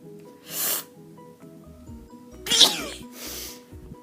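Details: Bout of repeated sneezing, said to happen a couple of times a week: two loud, sharp sneezes with airy bursts, then a softer rush of breath, over background music.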